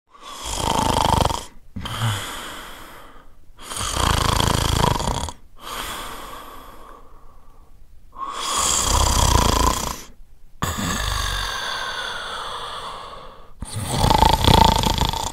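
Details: Loud, rough snoring from a man on each breath in, about six breaths in fifteen seconds, noisy breaths out between.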